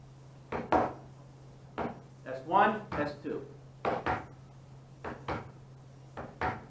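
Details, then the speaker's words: Lecture demonstration: paired taps imitating lub-dub, first sound from mitral and tricuspid valve closure, second from pulmonic and aortic valve closure; normal heart sounds S1 and S2. "Lub, dub, lub, dub. Bicuspid and mitral valve, mitral valve and tricuspid valves close, that's lub. Then the semilunar valves will close. Pulmonic and the aortic valves close. Dub."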